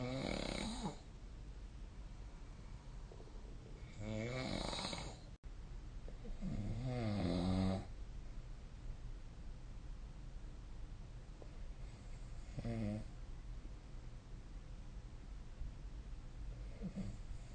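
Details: Sleep snoring: three or four low, rattling snores spaced several seconds apart over background hiss; snoring.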